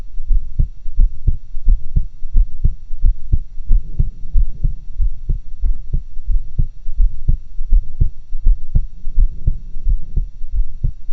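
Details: Own heart recorded with two stethoscopes for a roughly stereo recording; steady, regular lub-dub heartbeat with a low background rumble; heart sounds.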